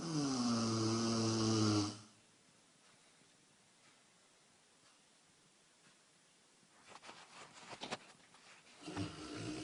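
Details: A 155-pound Rottweiler gives one loud, rumbling, tonal snore, then a long quiet pause with faint rustling before the next snoring breath: snoring.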